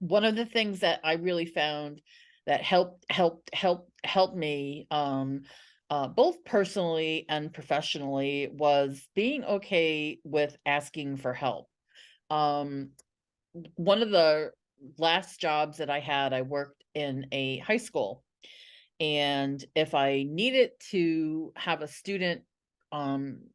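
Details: Adult woman who stutters, an NSA member for 17 years; stuttering.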